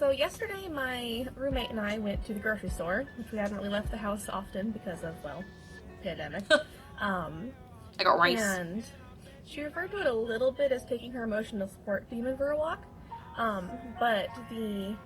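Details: Real Tourette syndrome vocal tic in a 24-year-old woman clinically diagnosed at age 12; her recurring phrase tic "I got rice" occurs in this segment.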